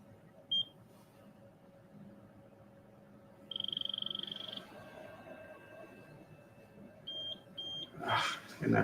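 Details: Short high electronic beeps with a rapid beeping burst in a quiet room, an alert from a shunt adjustment device signalling a failed setting. The patient has a benign brain tumour after two brain surgeries.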